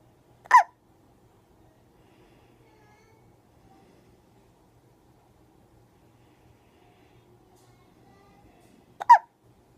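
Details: Hiccups: two isolated, abrupt hiccup sounds about eight seconds apart in a quiet room.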